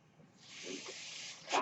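A soft, steady airy hiss swells for about a second, then a sharper puff of air: a mechanical ventilator delivering a breath.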